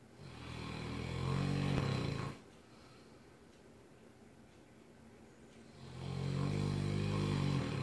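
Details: Mastiff snoring, recorded from across the room: deep, loud rumbling snores on each breath with quiet pauses between, roughly 11 breaths a minute.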